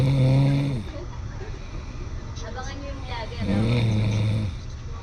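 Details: An adult snoring loudly in deep sleep: two loud, deep, droning snores with noisy breathing between them over steady background noise.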